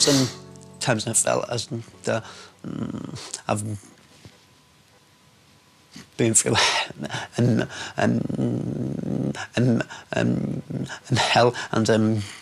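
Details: Man with a severe lifelong stammer, speaking; stuttering.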